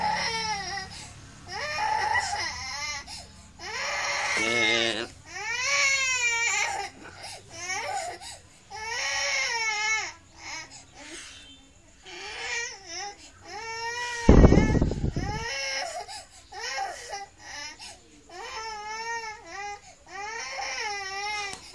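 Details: A baby girl cries in repeated rising and falling wails with brief pauses, one loud burst midway.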